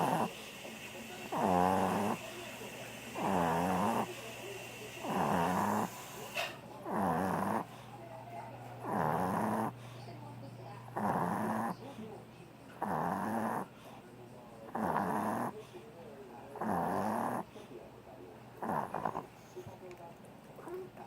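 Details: Sleeping dog snoring regularly and rhythmically, about 32 snores a minute, with a steady low buzz on each breath.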